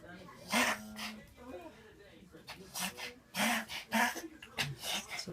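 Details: Buck, a Maltese/terrier mix dog with recent-onset wheezing and sneezing, recorded to show the vet: short, noisy, airy bursts, one with a brief whistling tone.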